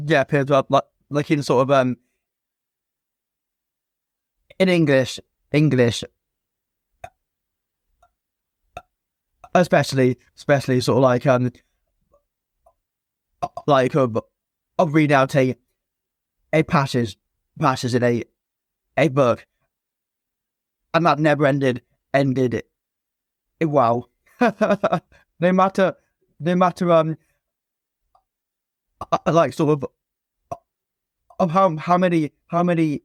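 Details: Stuttering (stammering) in an adult male former soldier, now a personal trainer, who has stammered since a young age; repetitions and blocks are present.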